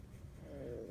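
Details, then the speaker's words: Stomach growling (borborygmi) before breakfast: a brief, quiet low rumble rising into a drawn-out gurgling tone from an empty stomach. "I don't know if you heard my stomach growling but it just growled"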